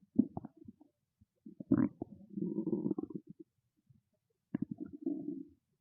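Loud gurgling and rumbling bursts from the abdomen, an ordinary hungry stomach growl.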